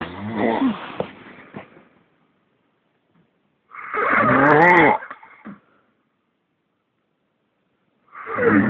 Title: Worst snore ever!